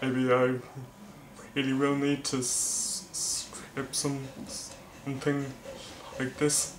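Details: Male vlogger who stammers, speaking with word repetitions; stuttering.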